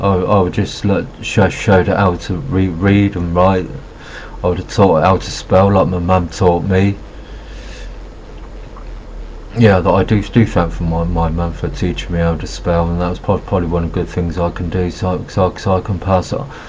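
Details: Adult male speaker with Asperger syndrome who says he has a bit of a stutter and refers to notes for his stuttering; phrase repetition heard; stuttering.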